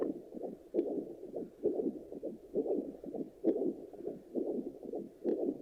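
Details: Fetal Doppler used after delivery picks up whooshing, pulsing sound at about 66 beats a minute, steady rhythm; normal adult heartbeat on Doppler.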